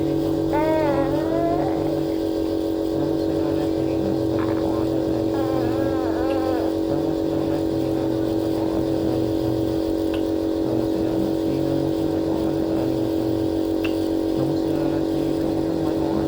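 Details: Nebulizer compressor running for a child given a nebulizer treatment because of a cough; steady, loud mechanical hum throughout, with faint child voice sounds early on.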